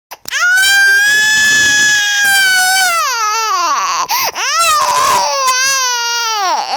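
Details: Hungry baby crying: loud, sustained, high-pitched infant wailing with long cry bursts and falling ends, typical of a hunger cry.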